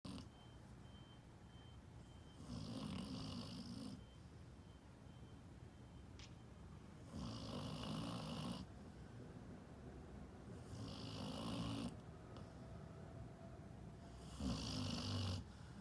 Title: Dog snoring and dreaming